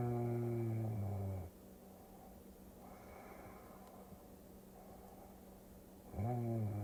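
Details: Loud, low, rattling snores about five seconds apart over steady vehicle hum, combined with a Tokyo cruising scene as a sleep-aid recording: ordinary snoring.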